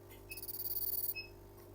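A short high beep, then a rapid buzzing pulse train lasting about a second as the fractional CO2 laser fires, ending in another beep.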